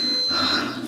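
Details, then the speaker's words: Labour ward during second-stage pushing, woman in labour: brief high steady electronic monitor beep against quiet room noise, needing a button press to stop. "What was it when it was beeping? Yeah. When it started beeping, you had to press it to stop."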